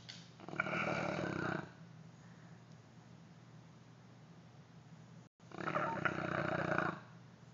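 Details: Neapolitan Mastiff, a rescued former shelter stray, asleep: two long, loud, rough rattling snores separated by a quiet stretch; heavy snoring during sleep.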